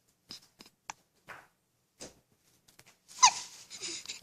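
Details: One-week-old puppy with hiccups: a few short, sharp, jerky bursts at uneven gaps, then a louder noisy sound.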